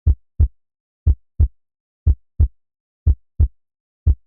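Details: Synthetic heartbeat sound effect driving a Cinema 4D heart animation, not a real recording: clean, regular paired thumps at about 60 beats a minute; heartbeat.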